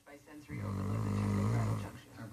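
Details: Snoring while sleeping: one long, low, buzzing snore on a breath, with quieter breathing before and after.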